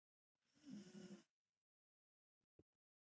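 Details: Mother dog sleeping on her back: single low rattling inspiratory snore, then quiet with faint snuffles; snoring.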